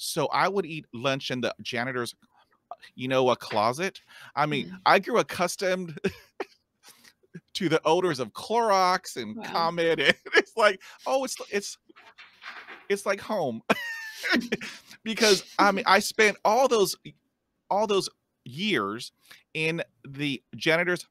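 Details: 50-year-old man who stutters, speaking naturally (real, not acted); stuttering.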